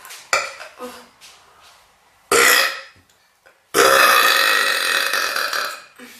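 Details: Person burping repeatedly on camera: several loud, drawn-out belches with short pauses between them.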